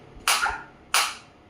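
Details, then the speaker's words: Focused shockwave therapy device pulsing on the operator's own hand at raised intensity: two sharp, loud snapping pulses about 0.7 seconds apart. "now I will increase the frequency. 120. In the multiple of 30, it will increase. You can feel the difference. You can feel the difference in the sound also,"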